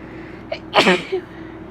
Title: Tickly Allergy Sneezes: Part 1